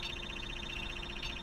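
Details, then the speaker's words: Steady rapid electronic pulsing and ticking with a continuous hum: MRI scanner noise during a brain imaging experiment, recorded while the participant's brain activity is scanned as they converse in Swedish. "so you will hear some background ticking noise. Uh that's the MRI scanner noise and you'll hear the participant whose brain activity is being recorded"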